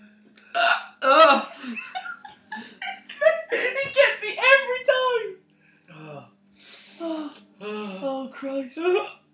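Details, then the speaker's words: Man with persistent hiccups that he says a glass of water did not stop makes abrupt gulping catches breaking into voiced sounds, some with a short lamb-like bleating tail, amid laughter; companion suspects he is exaggerating: hiccups. "no it's it's how I'm hiccuping but that's not normal no it's not you're not hiccuping you're getting punched in the stomach"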